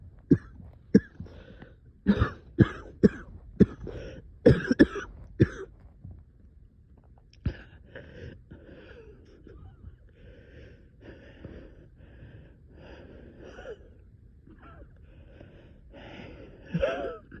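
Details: Coughing fit at 3 am with about ten harsh coughs in quick succession, then noisy, laboured breathing; the person reports being very short of breath.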